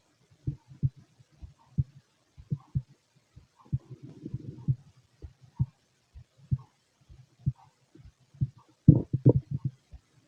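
Soft, low thumps repeating somewhat unevenly, with faint gurgling in places; heartbeat heard close to the body.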